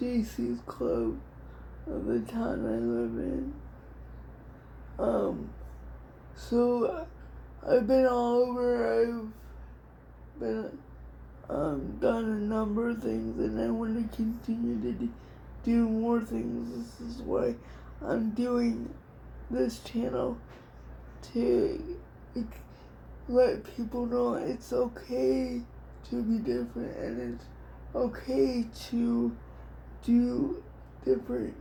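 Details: Adult woman with cerebral palsy diagnosed at 6 months, level 4 or 5 by her own estimate, affecting her whole body including her speech somewhat and her hands; also has dystonia; dysarthria (cerebral palsy).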